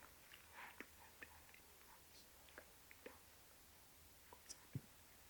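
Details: Smoking-related throat cancer survivor whose voice was removed, trying to talk without his electrolarynx device and unable to produce a voice: aphonia after laryngectomy.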